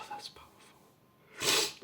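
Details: Adult male stifling sneezes by pinching his nose shut: a brief intake of breath, then a muffled, held-back sneeze burst.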